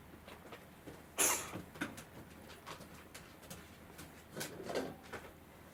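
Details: Cat coughing and choking after eating dry kibble, with a corgi dog coming over to check on it: a few short, sharp hacking and gagging bursts.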